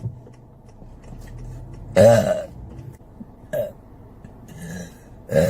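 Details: Burping compilation clip: three separate voiced belches, the first loudest, with quiet room noise between them. Burping.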